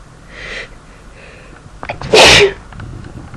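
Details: Sneezing: a short intake of breath, then one loud, explosive sneeze, followed by quiet breathing.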